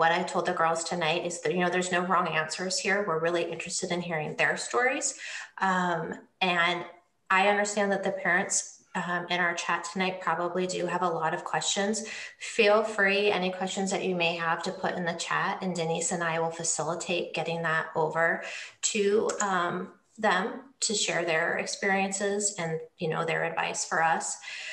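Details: Adult woman speaking; normal fluent speech.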